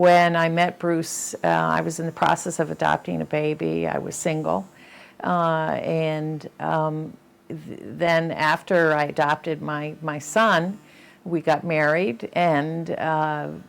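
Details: Adult woman; typical speech.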